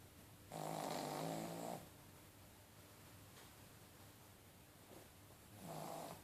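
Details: Pug, a flat-faced dog, snoring in sleep: rough rattling snores separated by several seconds of quieter breathing.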